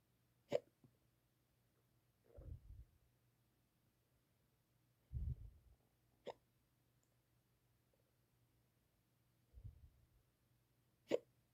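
Quiet recording with several brief, sharp hiccup sounds at irregular intervals, some followed by soft breathing; hiccups.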